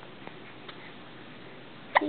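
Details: Happy, smiling baby being talked to, with hiccups: soft, brief catches in a quiet room, then a sharper one near the end; harmless infant hiccups.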